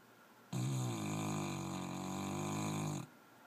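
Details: Snoring while snuggling.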